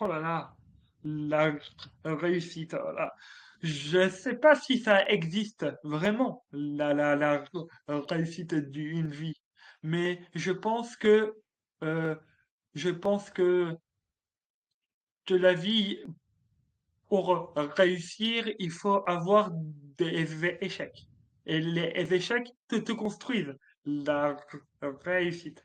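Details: Adult man, a French-speaking comedian, who has stuttered since childhood and who calls it more like an accent; stuttering.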